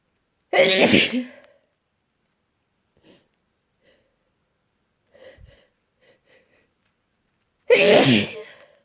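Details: Person with an itchy cold: two forceful, drawn-out sneezes several seconds apart, with faint sniffles between; repeated sneezing.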